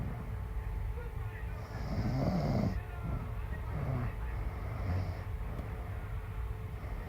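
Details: Snoring in a woman who says she doesn't snore: low, rumbling snores on a few breaths, partly masked by a steady background hum.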